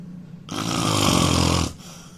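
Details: Indian man: a single loud, harsh, rattling snore lasting over a second on a breath in, then quiet room noise; loud snoring.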